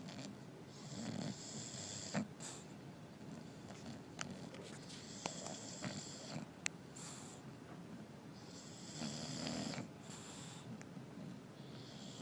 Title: Our sleeping English Bulldogs, snoring and tired!